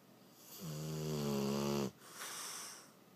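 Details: Dog snoring while sleeping: a single loud, buzzing snore on the in-breath lasting over a second, then a soft airy out-breath.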